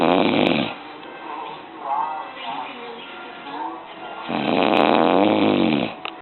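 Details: Adult man (dad) asleep, snoring loudly: rough snoring breaths at start and end, quieter breathing and faint music or talk between.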